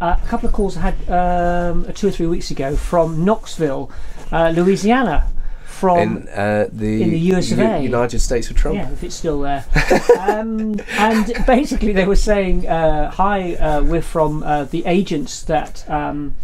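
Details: Adult speaker; normal voice.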